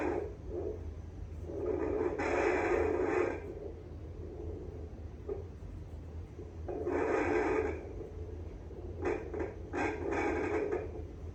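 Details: Pregnant woman searching her belly, including underneath, with a home handheld fetal Doppler: steady low hum with swells of scraping, rustling probe noise, no clear fetal heartbeat yet; display later reads 116, which she doubts.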